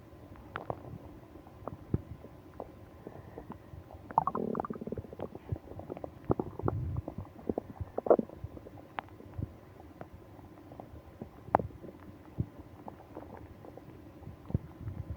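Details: Frequent abdominal gurgles, clicks and rumbling growls with louder bursts of gut activity, from a person with a stomach ache on a business trip, moaning; bowel sounds.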